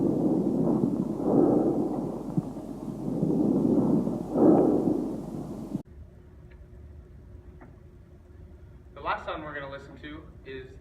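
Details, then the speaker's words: Normal vesicular breath sounds through a stethoscope over the lung periphery as the subject takes deep breaths with mouth open: soft, low rustling with long inspiration and short, faint expiration, about a 3:1 ratio. "vesicular zones which are heard in the lower Airways or in the periphery of the lung and that is a ratio of inspiration to expiration of a three to one inspiration being heard longer"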